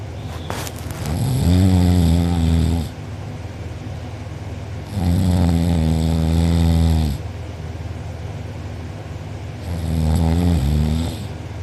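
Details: Heavy snoring from a person sleeping deeply with mouth open and drooling, who later had a sore uvula and soft palate: three very loud, deep, vibrating inspiratory snores, about 15 a minute, with quieter breathing between.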